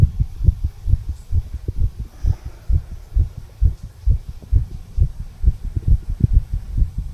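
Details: Normal heart sounds.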